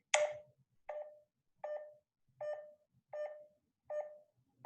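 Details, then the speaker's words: Pulse oximeter with tone modulation, where lower SpO2 gives a lower-pitched beep; regular beeps at about 80 a minute, pitched low, signalling an oxygen saturation of 85 percent. "changing tones with changing spo2 is called tone modulation it sounds like this for an spo2 of 100 percent [Music] and it sounds like this for an spo2 of 85"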